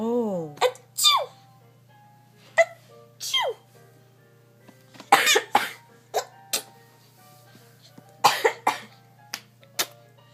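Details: An older girl sneezing and coughing while her little sister laughs: several short explosive sneezes and coughs from a child, with giggling and a faint steady background tone.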